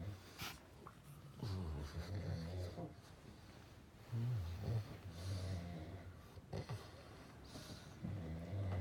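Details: Low, rumbling snores recurring through the clip, with snuffly breath noise in a quiet room; snoring.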